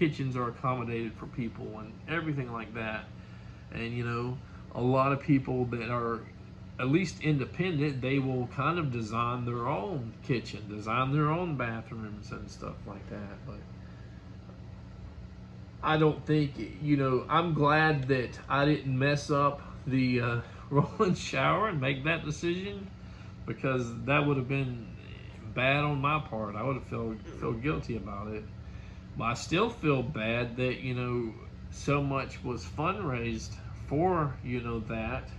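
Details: Adult man speaking; ordinary speech.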